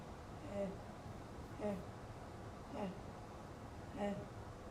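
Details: Breathy phonation with bilateral vocal fold nodules.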